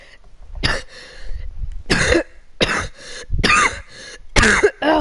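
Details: A girl gives several loose, wet-sounding coughs with throat clearing between, about five bursts in five seconds; cough, possibly from a respiratory illness.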